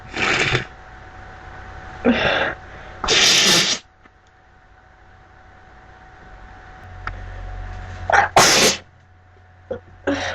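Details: Several loud, explosive sneezes, some with a sharp breathy burst, spaced irregularly over low room hum; woman with a congested nose.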